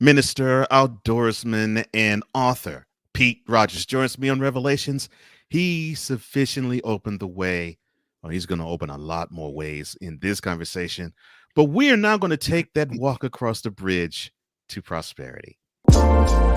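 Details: Adult male speaker; Normal fluent speech.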